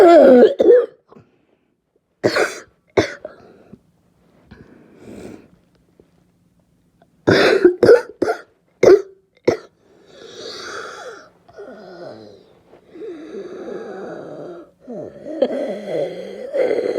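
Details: Clusters of harsh, abrupt, barking coughs separated by pauses, followed by noisy breathing and whimpering; barking cough.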